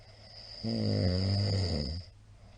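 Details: Very loud snoring of a middle-aged man (ojisan), recorded 28 March 2022: one loud, rough, rumbling snore on an in-breath lasting about a second and a half, with steady background hum.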